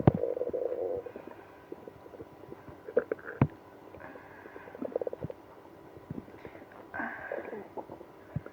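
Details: Person with IBS after drinking milk and prune juice; irregular bursts of gurgling, rumbling and squeaking belly sounds with pops and low groans between quieter spells; loud, active bowel sounds (borborygmi).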